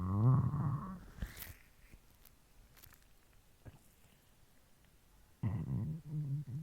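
Two loud, low, rumbling gurgles separated by quiet: stomach growling, ordinary bowel sounds with hunger.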